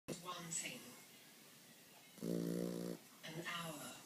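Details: Sleeping 9-week-old boxer puppy snoring: short nasal snoring sounds, with a louder buzzing snore on one breath in.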